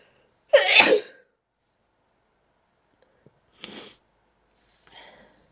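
One loud sneeze, then two smaller, softer sneezes or sniffs, with silence between them.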